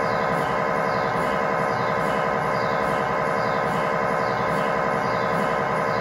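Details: Loud, continuous electronic buzzing pulsing about 90 times a minute: MRI scanner noise inside the scan room during a tibia/fibula (lower leg) test scan with a GE high-definition lower extremity coil, controlled environment.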